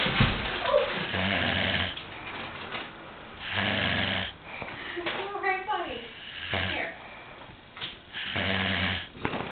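Loud, rough snores recur every few seconds, each a low rattling breath in, with quieter breathing between them; ordinary snoring.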